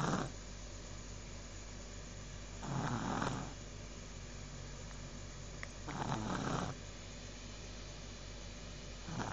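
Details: Snoring: rough, rattling snores on breathing in, about every three seconds, with quiet breathing between and steady room hum.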